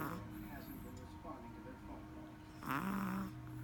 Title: Dexter snoring